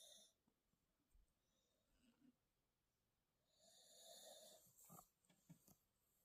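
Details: A pit bull/bulldog puppy snoring while trying to sleep: quiet rasping, wheezy breath sounds with snorts near the end.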